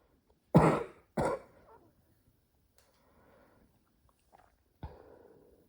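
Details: Adult woman who has smoked a pack a day of Marlboro Red for 14 years, with a cough that began a while ago; two harsh, forceful coughs close together while smoking, then quiet exhaling and one more short cough. Smoker's cough.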